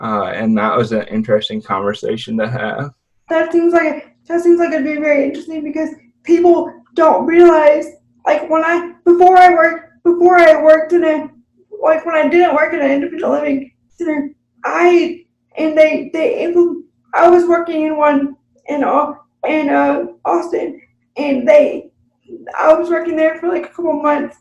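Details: Adult woman with self-reported cerebral palsy, real unscripted podcast conversation; finding: speech in cerebral palsy (dysarthria).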